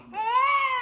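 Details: Irritable teething baby girl, just woken up; a single short, high-pitched wailing cry: infant cry from teething discomfort.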